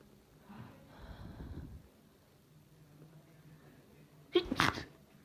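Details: Wet, violent, high-pitched, breathy sneezing from a person who says they are really sick with a painful chest, ending in a single loud, explosive wet sneeze.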